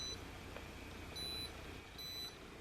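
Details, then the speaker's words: Repeated short high-pitched beeps, about three in under three seconds, as a DermRays V8S home diode laser is switched on, level set and fired on the upper lip: normal operating beeps of home laser hair removal. "I'm just going to turn the device on, and I'm going to select my level and double click, and now it's ready."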